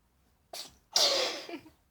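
A small inhaled catch, then one sharp, hissing sneeze burst from a cat.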